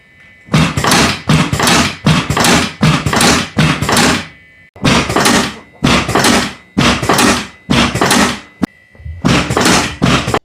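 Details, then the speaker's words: Chuna table used in a Korean medicine clinic for chuna manipulation, often for pelvic correction: about a dozen loud, heavy thuds with short pauses as the table drops; the thuds are noisy but said not to be painful. "그러나 여전히 대기실에서 환자분들은 처음 하시는 분들은 덜덜 떨고 있어요 이게 소리를 들으면 무섭잖아요"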